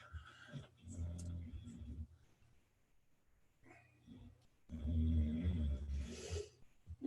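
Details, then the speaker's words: Dog snoring while asleep: slow, deep, rumbling snores with quieter pauses between them over faint room sound; snoring. "you hear that snoring going on, that's my dog snoring away."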